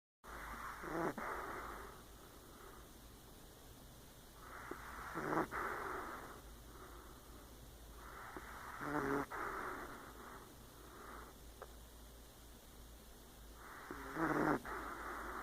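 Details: Snoring while sleeping; raspy, snorting breath noises recurring about every four seconds against room hum.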